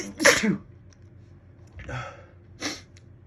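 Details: Itchy, slow-building sneezes: a forceful sneeze, then a softer build-up breath and a second, shorter sneeze.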